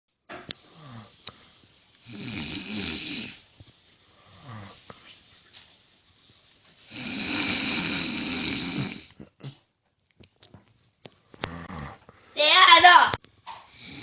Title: Snoring hubby part 8 😴 😴